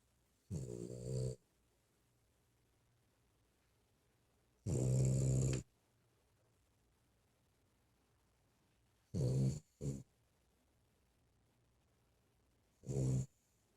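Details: Loud, low rattling snores in irregular bursts, about four with quiet gaps, from Romi sleeping under a desk; ordinary snoring.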